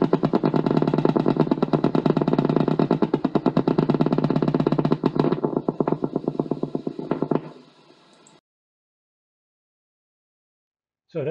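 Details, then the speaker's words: Needle EMG recording of spontaneous muscle fiber activity, discussed in the context of nerve injury: fibrillation potentials and positive sharp waves. They are very low amplitude, appear irregularly, increase with needle movement, and sound like rain on a tin roof. "the typical characteristics of these potentials are they have a very low amplitude they appear irregularly on your screen and they increase in intensity As you move the needle has often been compared to the sound of rain on a tin roof"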